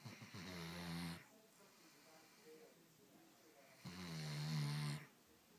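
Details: Two loud, low, rattling snores on the in-breath, separated by a quiet pause of about three seconds: ordinary snoring.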